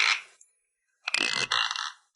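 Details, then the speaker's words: Sleep bruxism in an older man who has ground his teeth for 20 years, with teeth half worn down: two harsh, grating scrapes of clenched teeth grinding during sleep. "これはまるで生命で歯ぎしりしていることだおじさんは、自分が歯ぎしりして20年になると言いました"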